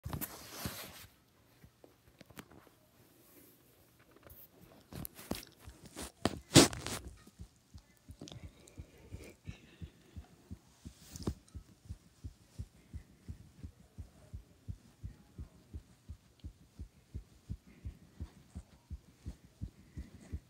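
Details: Rapid, regular heartbeat thumps at about 130 a minute, recorded after jumping exercise, with handling noise at the start: heartbeat after exercise.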